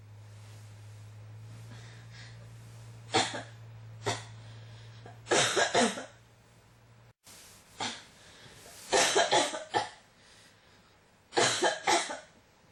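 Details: Persistent cough that won't stop: repeated harsh coughs in short bursts of one to three over about 13 seconds, with a steady room hum.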